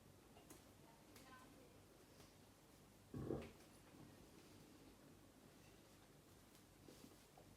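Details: Ginger cat named Satsuma sneezing after playing with a new toy: a single short, sharp sneeze in a quiet room, with faint ticking and rustling.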